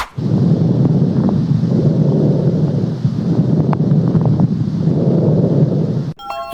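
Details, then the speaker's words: Coarse crackles (bubbling rales) heard through a stethoscope in lung inflammation: loud, low bubbling and rumbling breath sounds with scattered popping crackles. "是肺部炎症时的水泡音。"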